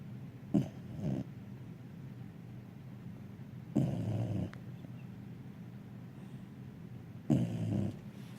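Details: Ellie giving low, rough, snorting snores at irregular intervals, three in about eight seconds, over quiet room noise: snoring.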